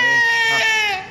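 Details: Baby's loud, sustained, high-pitched crying with a steady wail throughout; infant crying.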